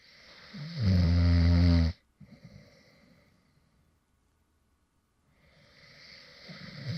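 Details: Light snoring from a man who fell asleep while recording: one loud, low, rattling snore on breathing in, then quiet, then the next breath building.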